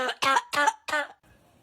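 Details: Coughing bout from a boy in a comedy sketch, blamed on air conditioning: four short, harsh, voiced coughs with a honking, throaty tone in quick succession, then quiet room noise.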